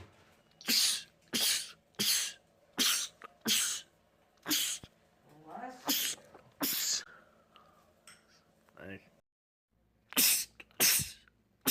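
A rapid run of about ten explosive sneezes in close succession, with brief breaths and a pause between them, a sneezing fit.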